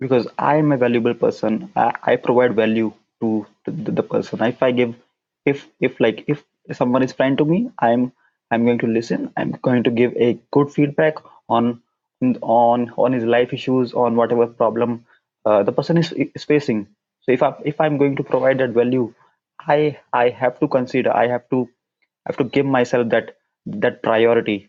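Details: Stuttering (stammering) in an adult man whose stutter began at around nine years old and persists into adulthood, with repetitions noted.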